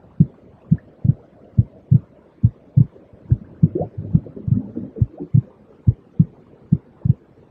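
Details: Simulated normal heartbeat, regular low soft thumps at about 70 beats a minute over a steady soft hiss; a five-minute soothing white-noise sound for babies, children and adults.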